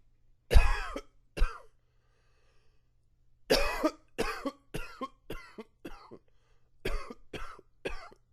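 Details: Person with allergies flaring, about ten short dry coughs in bursts with pauses between; cough.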